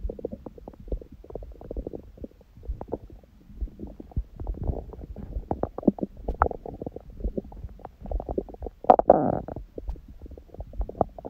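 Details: Belly sounds after a first meal at 16:00 (water-only fast since 19:00 the previous day) and after ab exercises, on a raw-food diet: frequent gurgles, bubbling pops and rumbles, one louder gurgle near the end; active bowel sounds.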